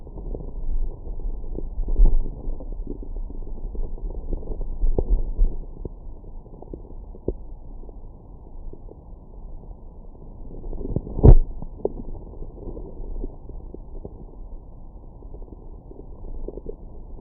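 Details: Stomach growling after breakfast: low, irregular gurgling and rumbling with a brief louder growl; ordinary bowel sounds after a meal.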